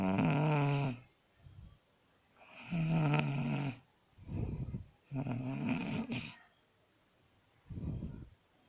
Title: Sleep and snoring 💗